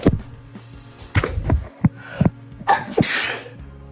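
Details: A few sharp bursts ending in an explosive sneeze from a girl, over background music; the sneezer says looking at the light makes her sneeze.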